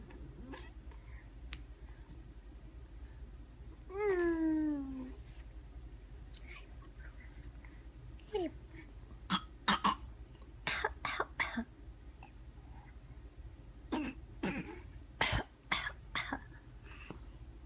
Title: Baby fakes coughing